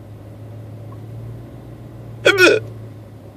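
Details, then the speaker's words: Single loud, abrupt voiced hiccup from an adult sitting in his truck with the engine running, about 10 minutes into a hiccup bout he says is painless; hiccup. "And no, they are not painful. They don't hurt. They're just really loud."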